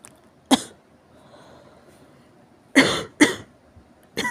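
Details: Four harsh, forceful, explosive dry-sounding coughs: one alone, then a close pair, then another; a severe cough.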